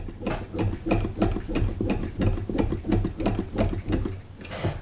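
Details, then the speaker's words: Screw-driven bellows pump of an OpenVent B1 prototype ventilator running against a fake lung: rapid steady mechanical ticking and whirring, about three pulses a second, as the pump turns back during exhalation after inspiratory valve closes and expiratory valve opens. "once you reach the end of inspiration you have to close the inspiratory valve and open the expiratory valve and once you start doing that the patient will start exhaling and simultaneously the bellows pump will start to turn back"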